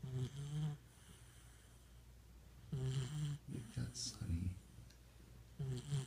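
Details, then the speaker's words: Dog sleeping in a chair while a cat purrs on a lap nearby: soft, low, rhythmic snoring every few seconds over quiet room noise; normal sleeping snoring. "Just snoring away. What rough life. What a rough life they have."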